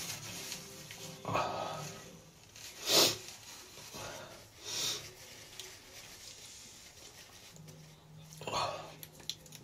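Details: Repeated sneezing with a cold: three or four hissing, explosive sneezes separated by quiet gaps, over a low room hum.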